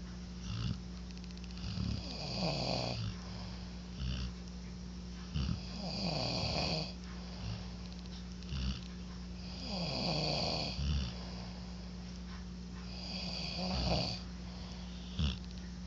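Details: Two snorers snoring at once: rough, rattling snores on each breath in and out, about 17 breath cycles a minute, over a steady low room hum.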